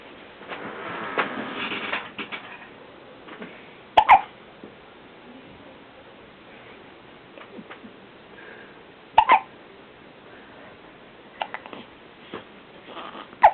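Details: Hiccups: brief, sharp, clicking catches repeating every few seconds over quiet room noise.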